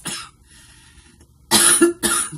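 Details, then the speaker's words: Young woman smoker says certain cigarettes give her a dry cough that hurts: a soft cough, then two sharp, dry, hacking coughs with no wet rattle. "These give me, Jesus, please. They give me a dry cough that it just doesn't feel like that great."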